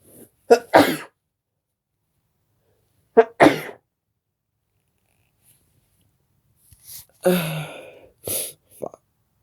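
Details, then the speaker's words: About four sharp sneezes in quick pairs, each a brief in-breath then a forceful burst; sneezing. "God, help me. I have Halloween sneezes since tomorrow's Halloween."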